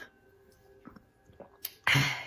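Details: Person sneezing: a few faint catching breaths in a quiet room, then one sudden loud burst of air, a single sneeze.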